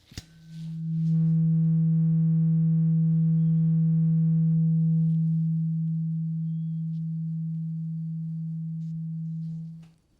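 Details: Simulated ASMR ear exam roleplay, patient with eyes closed reporting when sound stops: struck tuning fork rings a pure, steady tone fading over about nine seconds; tuning fork hearing test.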